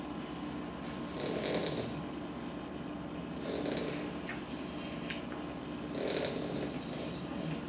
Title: COLORADO AKC BOXER PUPPIES SLEEPING AND SNORING!! ADORABLE